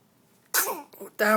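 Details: A single sudden, forceful sneeze from a young child who has asthma and is on asthma control medication, after a quiet pause, with a brief sound afterward.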